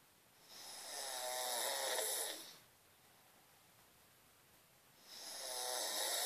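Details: Snoring wife: two long, rasping, fluttering snores, about two seconds each, separated by quiet pauses, from a sleeping adult woman.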